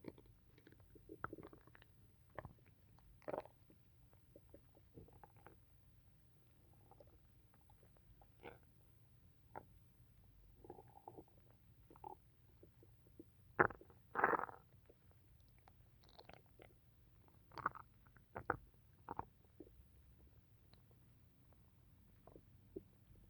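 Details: Stomach rumbling after drinking tea, which happens whenever they have tea: irregular gurgles, squeaks and rumbles, bowel sounds of gas and fluid moving (borborygmi).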